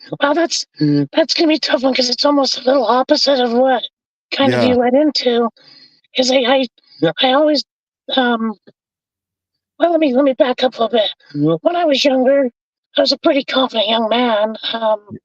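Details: Adult man with vocal cord paralysis from a severe injury (lungs three-quarters full of blood); told he would never talk again; tracheostomy removed after 2 months; scope still shows paralyzed cords; over 25 years since onset.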